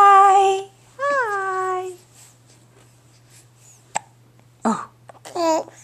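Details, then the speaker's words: Baby boy babbling and cooing, broken by short, sudden hiccup catches; ordinary infant hiccups. "tell me tell me oh those hiccups their pesky aren't they do pesky"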